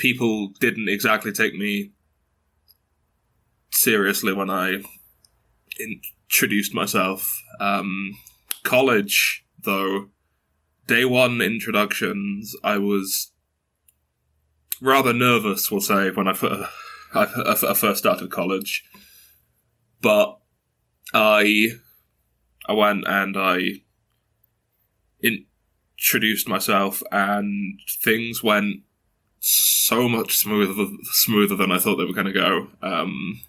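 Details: Stuttering in a 22-year-old man who has stuttered since early childhood, with blocks and repetitions; his mother also stutters.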